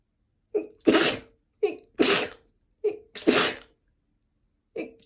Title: allergy sneezing 2 #sneeze